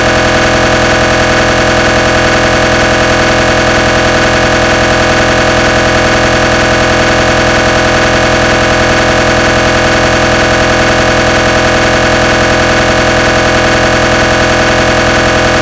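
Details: Simulated (made) recreation of realistic GE 1.5 T MRI scanner noise during a gradient sequence: loud, steady, rapid mechanical buzzing and pulsing at about 158 pulses a minute.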